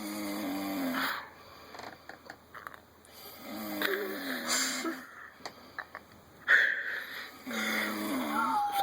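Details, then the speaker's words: Human male sleeping on a camper couch: loud, rough, tonal inspiratory snores recurring about every three seconds with quiet gaps and some room noise; ordinary snoring. "we're not being attacked by wild animals that is a human that is a human being sounds like [ __ ] a losing cat like a [ __ ] baby walrus trying to get out of the uterus or something"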